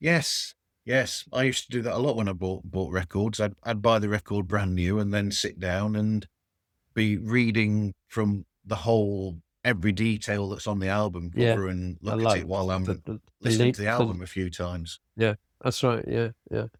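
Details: Adult man speaking, brief second voice; ordinary speech.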